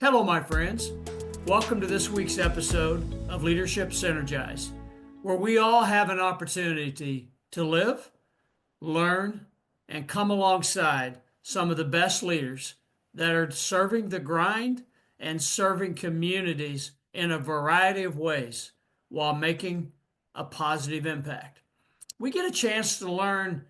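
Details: Adult male speaker; ordinary speech.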